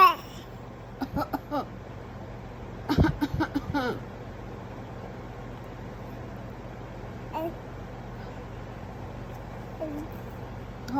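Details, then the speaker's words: 4-month-old baby fake coughing: a few short, deliberate throaty cough-like sounds over a steady low engine-like hum; voluntary cough. "do you do that how do you fake cough huh like this"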